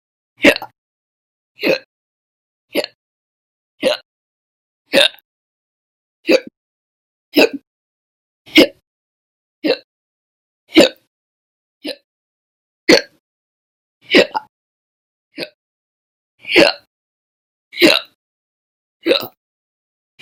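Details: Violent, loud hiccups, audio only: rapid series of abrupt hiccups, about 50 a minute, with silence between them.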